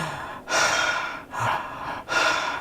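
Steady, full breaths in and out, imitated by an adult; normal breathing, in contrast to the shallow breaths of hypopnea.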